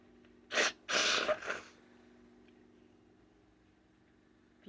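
A quick sharp inhale, then two forceful sneeze bursts close together in a quiet room: a sneezing fit.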